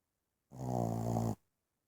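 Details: Loud buzzing, rattling snore under a second long from a sleeping one-year-old Boston terrier; ordinary snoring.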